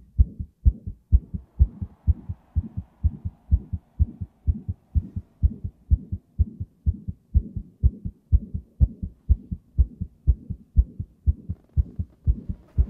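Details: Strong, regular, thumping heartbeat at about 125 bpm with a faint soft murmur between beats, which the owner also notes, recorded while playing the racing game Hot Wheels Unleashed 2.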